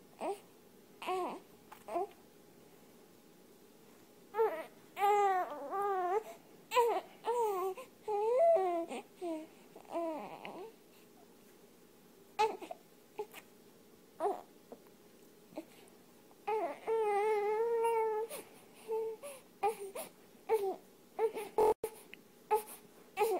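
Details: Infant crying in short fussy bursts and longer wavering wails separated by quiet pauses, as a cat soothes the baby to sleep.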